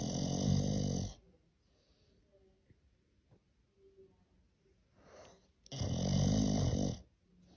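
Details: Two loud, long, rattling snores separated by a few quiet seconds in a small room; heavy snoring.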